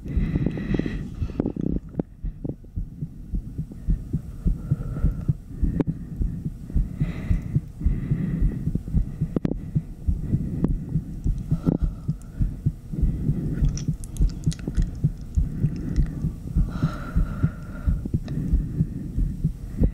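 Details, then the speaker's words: Adult woman's own heartbeat through a stethoscope after about 80 jumping jacks: fast, steady beats about 100 per minute, settling, with heavy breathing. "oh she is it sounds really nice now she's starting to be a little more steady"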